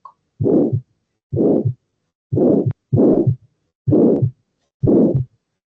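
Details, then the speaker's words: Systolic murmur of aortic stenosis: regular heartbeats around 63 a minute, each with a harsh rushing murmur filling the gap after the first sound; played in a lecture on valvular heart disease. "Ah, y acá podemos escuchar el soplón sistólico."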